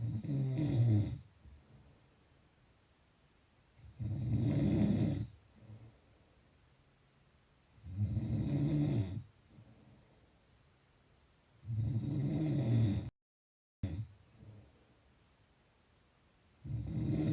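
Low rattling snores on each breath in, about 15 breaths a minute, with quiet breathing out between them.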